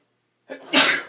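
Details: Morning sneeze attributed to spring allergies: a brief intake of breath, then a single loud, explosive burst of air; sneeze.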